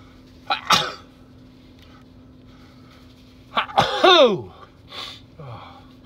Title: More cold sneezes.